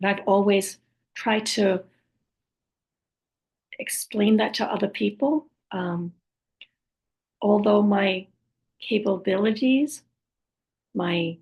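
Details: Aphasia with apraxia of speech in an adult woman after a stroke, who also reports other communication challenges and says her speech is sometimes hard to understand; aphasia with apraxia of speech.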